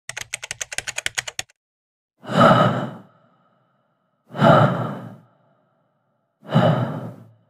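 Soft, even breath sounds through a stethoscope, three breaths at about 29 a minute, after brief rapid clicking.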